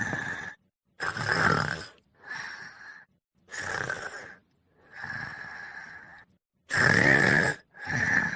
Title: Laddy and 39 snoring sound.